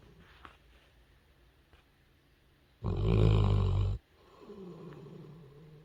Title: Snoring Dog | Cutest Puppy Naping and Snoring Loudly